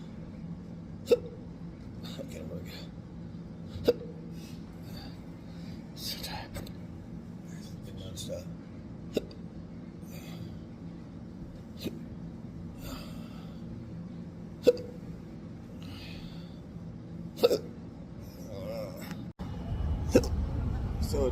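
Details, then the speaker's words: Sharp hiccups recurring about every three seconds, roughly seven in twenty seconds, over quiet room noise, in an adult with long-standing intractable hiccups; persistent hiccups. "So, all the Uber drives, an Uber driver yesterday, I think, offered me water when I hiccuping his water. That was really nice. People think that offering water will help. I've never received it."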